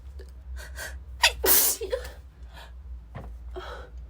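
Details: Woman with a cold sneezing constantly, unable to stop even while blowing her nose: a gasping in-breath, then one forceful, explosive sneeze followed by quieter breaths.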